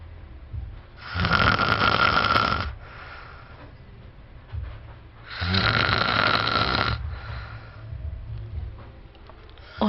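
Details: Boyfriend's heavy snoring: loud, harsh snores on the in-breath about every four to five seconds, with quieter breathing out between them.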